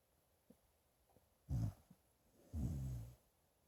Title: Mr snores-a-lot